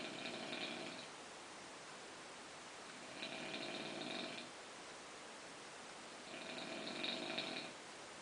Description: Noise the nose makes while sleeping